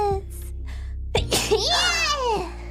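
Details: A single sneeze during a VTuber livestream: a short breathy intake, then a sharp sneeze burst and a high, squeaky voiced trail-off over steady background music.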